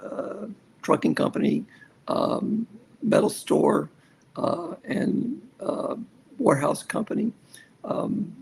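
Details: Aphasia in a male survivor of a severe stroke at age 47 that began ischemic and turned hemorrhagic, more than a decade into stroke rehabilitation.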